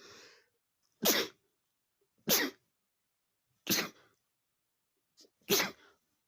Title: male sneezing #32 (DUSTY BOOK MAKE ME SNEEZING!)